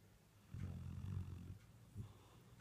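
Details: Dalmatian puppy snoring while asleep: a low, rumbling snore on an in-breath, then a softer snuffle, likened to an old man's snoring.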